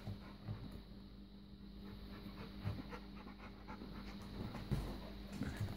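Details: Dog: rapid, rhythmic, breathy open-mouthed huffs with a few faint whimpers; steady panting.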